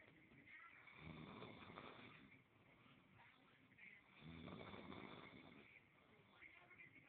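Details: Soft snoring during sleep: quiet, rough breathing sounds rising and fading in slow cycles over steady room noise.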